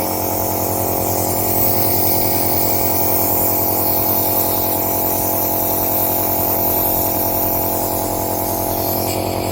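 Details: Noren C2 adult and pediatric nebulizer compressor running at home with medicine and NS in the cup, test run: loud steady motor buzz with rapid rattling pulses making mist for inhalation.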